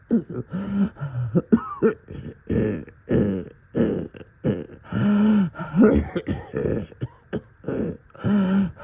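Repeated harsh coughs mixed with voiced groans and throat-clearing sounds. A night-time chesty cough with congestion.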